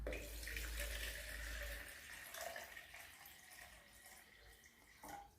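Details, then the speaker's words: Naturopathic enema demonstration: steady splashing of lukewarm water, only half a litre, poured into an enema can, tapering off. "గోరువెచ్చ నీళ్లు మనము can లోకి తీసుకుందాం half litre మాత్రమే తీసుకుంటాం"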